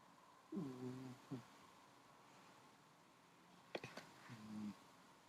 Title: Conrad the cat snoring!